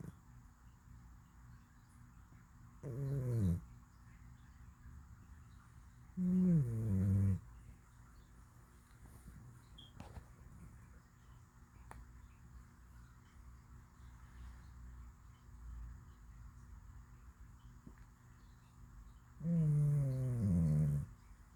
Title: Cat snoring in deep sleep!